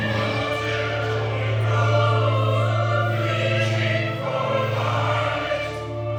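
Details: Choir of mostly laryngectomy patients (larynx removed in life-saving cancer surgery), plus some without laryngectomy, singing using air redirected through the esophagus, with esophageal tissue standing in for the vocal folds; esophageal voice singing after laryngectomy.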